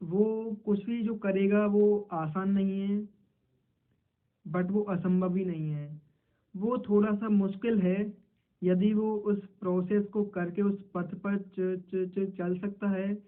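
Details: Man who stammers, role-playing a stammering interview in Hindi; an audible sound repetition is heard. Finding: stuttering.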